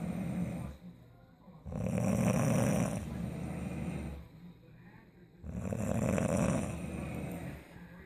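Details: Person snoring in sleep after wisdom teeth removal: loud, rattling snores on each breath about every three and a half seconds, quieter breathing between.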